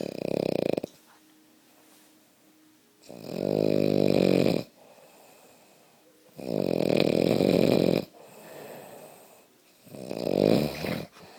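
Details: Loud, rattling snores on each in-breath, about four breaths over eleven seconds with quiet gaps between. Snoring.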